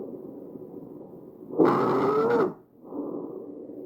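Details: Breath sound from a patient, with rough noise and a harsh, high-pitched musical tone over one loud breath: tracheal stridor from a narrowed windpipe.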